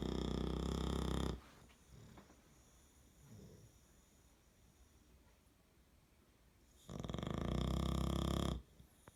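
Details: Snoring English Bulldog napping: two loud, low, rattling snores separated by a long quiet pause with soft breathing between them.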